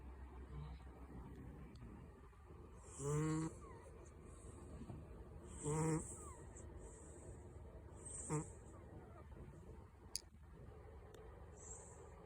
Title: Cat’s snoring